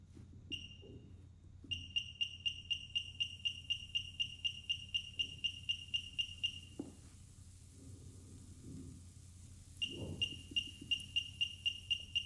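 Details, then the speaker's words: LCS 121 therapeutic ultrasound machine, 1 MHz, continuous mode (power 0.1–2), probe in water for demo: steady rapid high-pitched beeps, about four a second, pausing once, with faint bubbling and handling noise. "So now I will show you the output in the continuous mode. For the demo purpose, we are using water, but make sure you use jelly during the therapy session."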